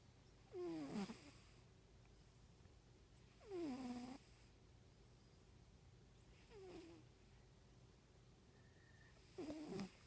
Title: Orange tabby cat snoring soundly asleep on pillow